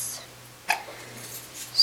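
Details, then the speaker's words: A single short, sharp hiccup from a mellow baby girl lying awake, over quiet room hum; hiccups. "so we're we're just recording her hiccups so that you can hear them and kind of see what she's like"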